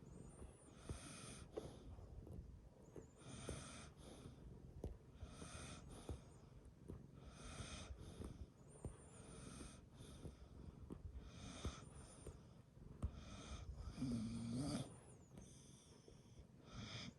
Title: Dog and cat together. My dog snores!! 🐈‍⬛🐕